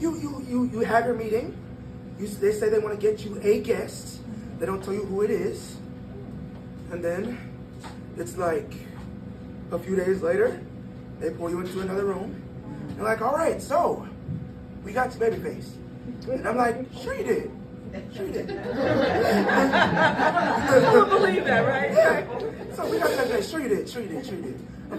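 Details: Glottal insufficiency (incomplete vocal fold closure) in a 22-year-old man, linked to extremely premature birth at about one pound, with lungs and vocal cords developing as he grew; the cords still don't close fully.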